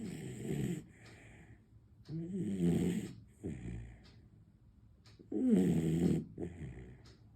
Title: Will dogs Snore? cute beagle puppy snoring 😴